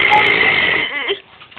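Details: Girl deliberately burping on camera: one long, drawn-out voiced belch lasting about a second, trailing off at the end; a prolonged burp.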